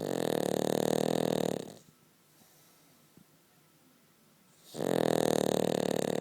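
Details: Snoring from Pal, a Cavalier dog sleeping comfortably between the owner's legs: loud, buzzing, fluttering snores lasting about two seconds each, separated by quiet pauses.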